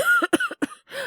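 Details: Acted cough from a male voice actor playing a boyfriend back from a business trip with a cold and high fever: three or four short voiced coughs in a quick burst.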